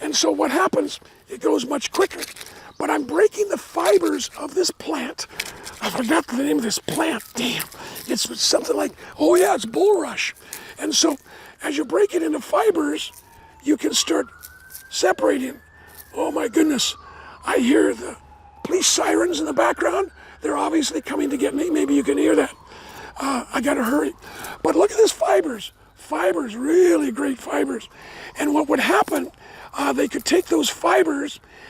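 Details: Adult man with dysphonia after partial vocal cord resection: two bouts of vocal cord cancer, one third of the vocal cords removed in 2008, leaving a raspy voice; never a smoker, cancer probably caused by secondhand smoke.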